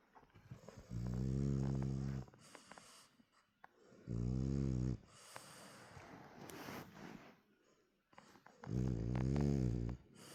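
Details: Sleepy French bulldog with half-open eyes, real sound: three loud, low buzzing snores on in-breaths with softer snuffling out-breaths, about 18 breaths per minute; snoring.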